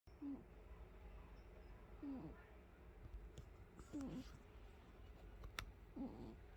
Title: umi the cat snoring